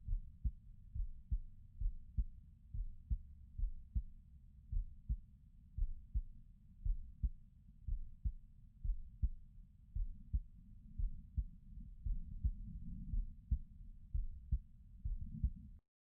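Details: Person recording their own heartbeat: steady, deep lub-dub heart sounds at about 65 beats a minute over a low, muffled rumble.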